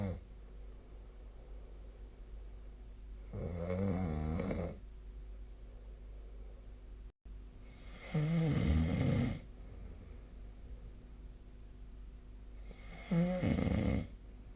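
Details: Three loud, rattling snores on inhaled breaths, about five seconds apart, over quiet room hum: snoring.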